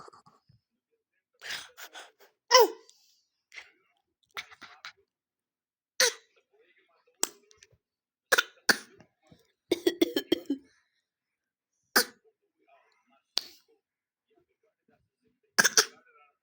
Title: baby want to play and copy the coughing #viral#viralvideo